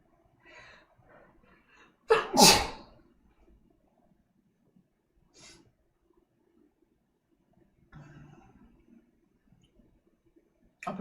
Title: sneezes!